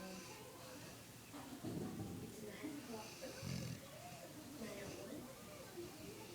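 Loud rumbling snores from a sleeping dog, with voices and faint music in the background.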